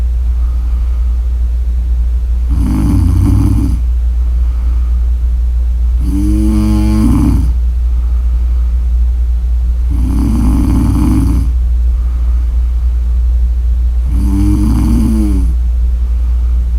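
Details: Four loud, buzzing snores about every four seconds, near 15 breaths a minute, over a steady low hum; heavy snoring.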